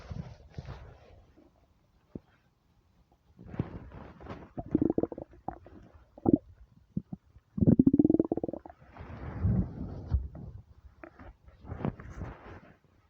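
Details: Loud borborygmi from a starving, hungry stomach: bubbling, gurgling and squeaky rumbles in irregular bursts with short gaps.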